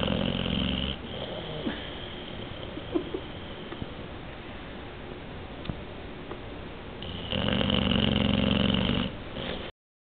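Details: Boxer dog asleep with eyes open: loud rattling snores, two strong breaths separated by quieter breathing with soft snorts; snoring.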